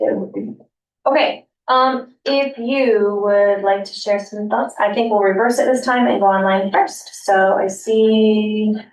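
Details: Adult woman speaking; normal voice.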